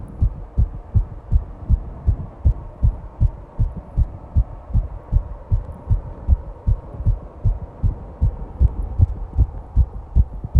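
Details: Rapid, regular low thumps at about 158 beats per minute with a faint steady background hum; fast heartbeat (tachycardia).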